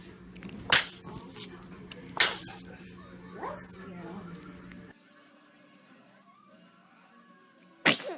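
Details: Infant with three sharp, high-pitched small sneezes over soft adult talk: repeated infant sneezing.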